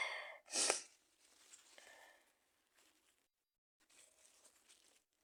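A quick inward breath, then one sharp explosive sneeze, followed by soft sniffing and breathing in a quiet room.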